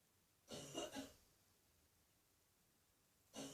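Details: Adult woman with a chest cough after catching a throat infection, coughing in a bathroom: a short run of two or three harsh coughs, with another starting.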